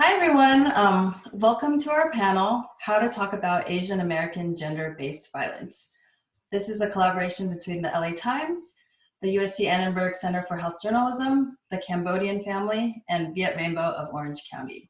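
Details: Adult woman; normal speech.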